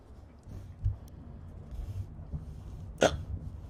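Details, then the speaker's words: Person whispering during an ASMR stream who says she breathed wrong and got hiccups: soft whispered background with a sudden sharp catch of breath; a hiccup. "Oh my god. No, I just breathed wrong and now I have the hiccups."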